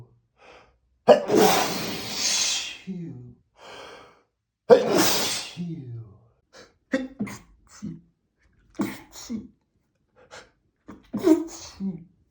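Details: Male, from a compilation of 100+ sneezes all recorded the same day: two forceful sneezes, each with a sharp inward breath first and a long burst of air after, with snorts and sniffs between.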